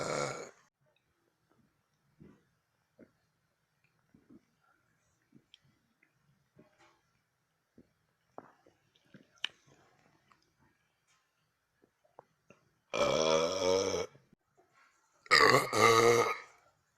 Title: Just some burps